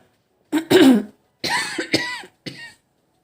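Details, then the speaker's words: Adult woman gives a few short coughs and clears her throat in a quiet room while talking. "I'm sorry I'm super coughing everything."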